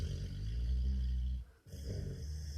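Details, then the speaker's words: Pit bull puppy asleep, giving a long, low, rattling snore, a brief pause, then the next snoring breath: snoring. "Это не храпит. Это девочка. Это мальчик. Вот так вот храпят"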